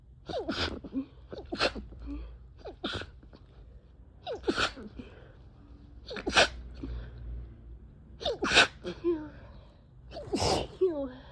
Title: harsh stifles ➡️ desperate sneezes